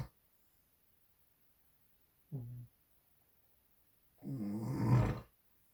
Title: hubby snoring